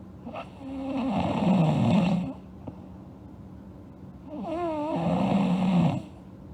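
Two long, rattling snores on breathing in, separated by a quiet pause; ordinary snoring during sleep.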